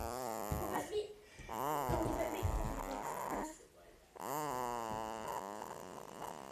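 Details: Sleeping baby son making funny noises: long squeaky, grunting, whiny sounds through his breaths; noisy infant sleep breathing.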